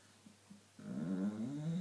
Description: Our Staffy snoring her tits off